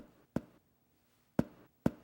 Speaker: As you do, note areas of timony indicating gas and areas of dullness indicating fluid, atapost tissue, or feces.